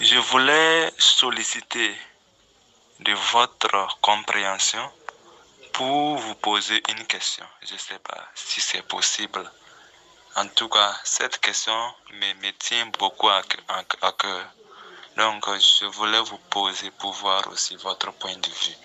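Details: Male speaker who says he has stuttered since birth and uses the channel's methods; stuttering.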